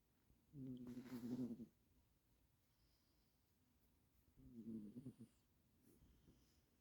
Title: Black cat snoring after long hard day of doing nothing, turn sound up! #blackcat